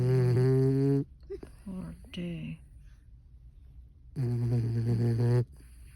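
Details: Two long, loud, buzzing snores with soft snuffles and quiet breath sounds between them, from a sleeping 12-week-old puppy.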